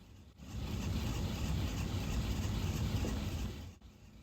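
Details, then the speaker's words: Low, steady mechanical hum of a Sigma Spectrum IV infusion pump motor running for a few seconds then stopping, delivering a 250 mL fluid bolus programmed over 15 minutes 1 second. "press Run Stop to Start the bolus you should hear the pump delivering the bolus"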